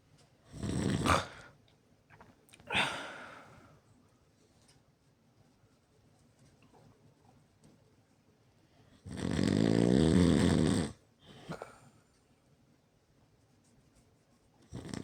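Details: Person recording their own loud snoring during sleep: loud rattling snores recurring every several seconds, with snorts and quiet breathing between; heavy snoring.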